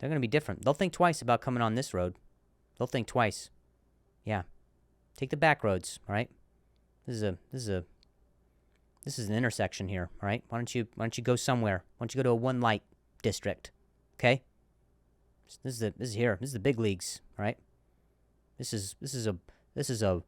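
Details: Male comedian hosting a podcast; repeated words and broken-off words; stuttering.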